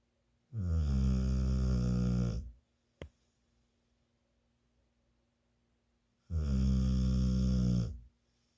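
Two loud, deep, droning snores about six seconds apart with a quiet pause between; heavy snoring.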